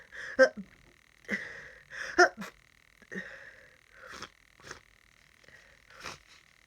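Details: Repeated sneezing fits with nose blowing and sniffing in someone sick with a cold: several short, sharp nasal bursts in quick succession with a steady whistle-like tone behind.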